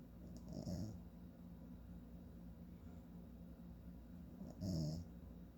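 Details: Two low rumbling snores about four seconds apart on in-breaths with quiet breathing between; an adult man (a father) snoring during sleep.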